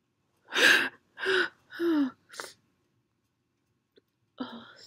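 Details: Perfume-induced sneezing with a big buildup: three drawn-out gasping inhalations, then a short burst and a pause, with the last sneeze stuck or held back.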